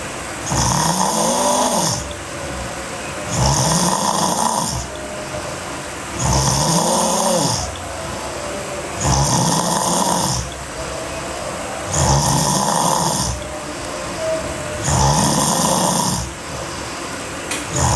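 Six loud, rough, rattling snores, about 21 a minute, each on the in-breath with quieter breathing between. Heavy snoring.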